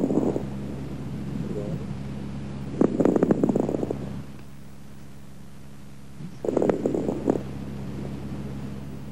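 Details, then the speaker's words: Fine crackles: soft, high-pitched, brief, intermittent non-musical popping clicks in bursts over a steady background hum; an adventitious, discontinuous breath sound. "fine crackles are soft high-pitched and very"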